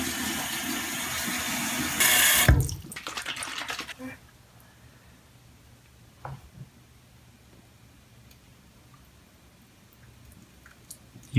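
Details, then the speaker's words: Nasal saline rinse to clear the nose and loosen mucus; loud rushing spray of water for about three seconds, then dripping and faint splashes. "sometimes it does but more so it just um loosens everything up and then I'll be able to blow my nose really well"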